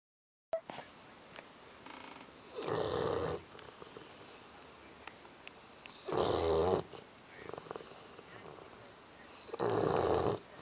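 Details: Sleeping bullmastiff dog snoring: three rasping snores at about 17 breaths a minute, with quieter breathing between them.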